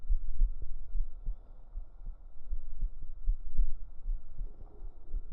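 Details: Real heartbeat recorded up close on the chest with binaural microphones for ASMR: deep, muffled low thumps in a steady paired rhythm under a soft hum; an ordinary heartbeat.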